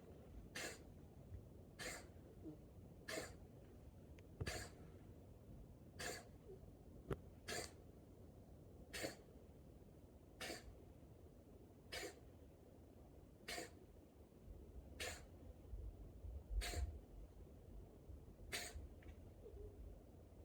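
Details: A run of about thirteen short, sharp coughs from an animal, coming roughly every second and a half.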